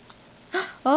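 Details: Two abrupt, brief voiced catches in quick succession from an infant boy, typical of hiccups.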